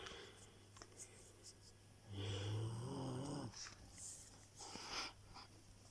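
One low, rumbling snore on an in-breath against soft room noise, consistent with an animal snoring in sleep.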